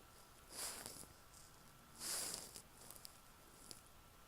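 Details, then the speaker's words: Dog asleep lying on owner's legs, snoring, described as really loud. Two airy, snuffling nasal breath noises against quiet room noise. "sorry if you can hear my dog snoring in the background he's really loud and he's like laying on my legs so I can't really move"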